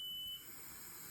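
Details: Ventilator high-flow alarm while a tracheostomy cuff is deflated and refilled with 3.8 mL of air. The vent senses airflow past the cuff; a steady, high-pitched tone stops once the cuff is inflated, leaving quiet room hiss.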